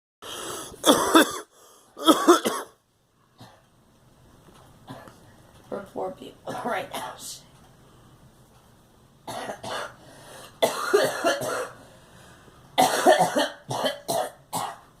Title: Girl coughing